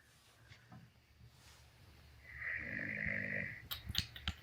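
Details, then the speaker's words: Man snoring loudly in his sleep, heard by a roommate from his own room. "انت ما تشخر انت ما تشخر هذا والله انت انت تقدر تشغل الامر انت تقدر تشغل اسمع تدري اني اسمع شخيرك من غرفتي"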